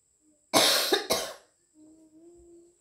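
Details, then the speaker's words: An adult woman with a cold (masuk angin) gives two harsh, forceful coughs during a traditional kerokan scraping treatment. She had not been coughing earlier. "Kamu jadi batuk sih. Apa ini? Iya jadi batuk. Tadi kan nggak batuk."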